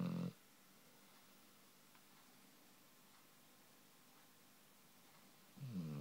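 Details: Tess the dog, asleep, gives two low, rattling snores about five seconds apart, with quiet breathing between them.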